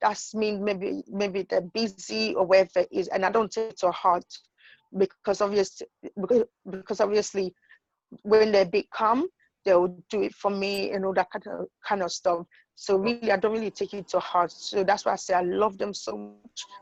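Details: Adult woman with idiopathic intracranial hypertension and sight loss whose condition changed her speech; finds easy words like "book" hard to say; acquired stuttering.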